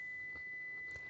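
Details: Pure-tone audiometry air-conduction hearing test on a child: a steady, thin, faint high-pitched test tone around 2 kHz against quiet room noise.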